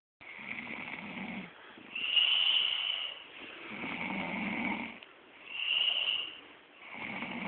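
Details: Woman recorded while asleep: breathy, hissing snores alternating between inhaled and exhaled noise, roughly 8 to 9 breath cycles per minute; snoring.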